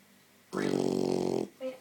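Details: 14-week-old black Labrador puppy asleep, snoring: a single rattling, fluttering snore about a second long, then a short soft breath.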